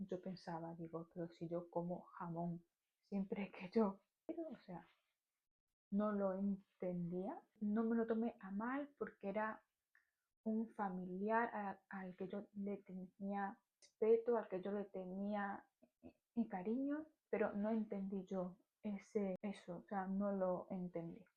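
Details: Stuttering in an adult woman, present since childhood.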